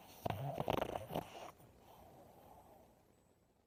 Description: Bobby, the Pug is dreaming and snoring